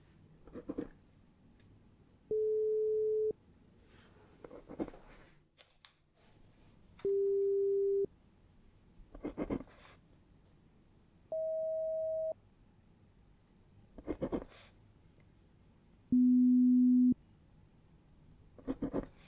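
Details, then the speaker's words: Pure tone audiometry beep tones played through headphones during a simulated ASMR hearing test; the listener raises a hand on hearing each sound. "firstly I want you to raise your hand when you start hearing the sound as soon as you hear it start raise your hand"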